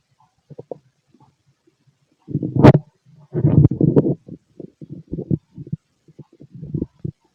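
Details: Male stomach during ordinary digestion: low gurgling and rumbling bursts with short squelches, stomach growling (borborygmi).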